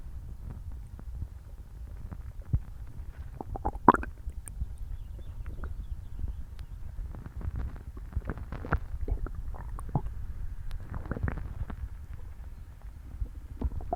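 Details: Borborygmi: ongoing low gurgling and rumbling stomach noise with scattered pops and squeaks, recorded after eating a meal for the first time in a while.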